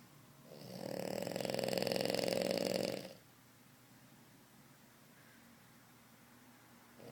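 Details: Snoring after the big move: one long, loud, rattling snore lasting about two and a half seconds, then quiet room noise.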